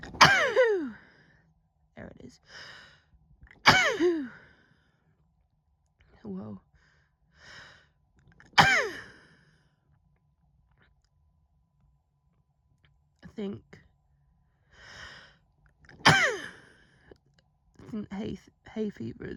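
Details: Female with hay fever, worsened by flowers in the kitchen: a fit of about four or five loud sneezes with quick in-breaths and sighs between them.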